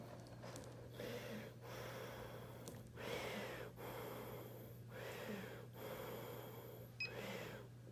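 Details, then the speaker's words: Philips Respironics REMstar Auto A-Flex CPAP machine for obstructive sleep apnea, starting automatically once the mask is on: steady hum with airflow swells about every two seconds as the person breathes through the mask. "ask the patient just to put the mask on and ask him to breathe a few seconds so I will put the mask on now and the Machine will start working by itself"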